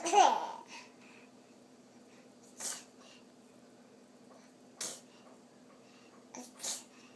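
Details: Child's deliberate fake sneezes: one loud sneeze then three softer sneeze-like bursts in a quiet room; sneezing, not genuine.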